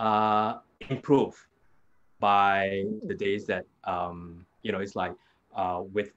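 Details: Adult man with aphasia after a hemorrhagic stroke 2 years ago; it was initially severe, with no speech in the first week, and he still struggles to complete sentences and gets stuck on basic words; aphasia with word-finding difficulty.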